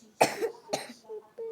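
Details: Two short, harsh coughs close together from a person apologizing for coughing, followed by faint voice or music in a small room; an ordinary cough.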